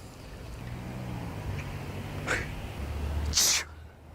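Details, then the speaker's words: Staged sneeze prank: a sharp, explosive sneeze burst over room noise from a person claiming to have been sneezing all day with something in the nose. "thank you yeah I just been sneezing like all day"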